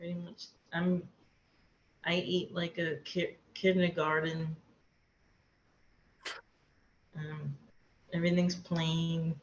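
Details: Aphasia in an adult woman after a hemorrhagic stroke; she could not talk for two years afterward.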